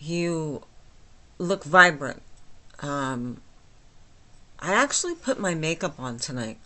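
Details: Adult woman with myasthenia gravis since age 8, with speech and swallowing problems, speaking without her speech appliance; she says listeners can understand her, though not perfectly: myasthenic dysarthria.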